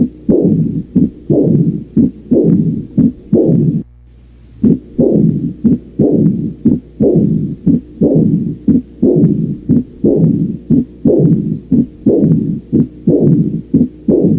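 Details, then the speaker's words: Rumbling diastolic murmur heard at the mitral focus in severe aortic insufficiency, a pseudo-mitral stenosis from regurgitant aortic flow, played in a teaching lecture: Austin Flint murmur. "en foco aórtico y auscultas el mitral y escuchas un soplo en la diástole de forma retumbante. A ese se le conoce como soplo de Austin Flint."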